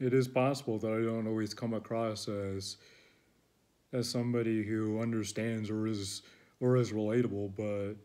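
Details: Adult male who reports that he stutters and struggles to find words; stuttering.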